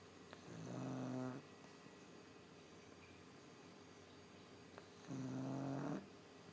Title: Pug snoring